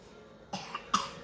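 Two short, dry cough bursts from a child, about half a second apart, with quiet room noise in between.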